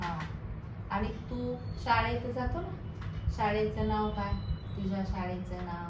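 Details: Adult therapist; typical adult speech.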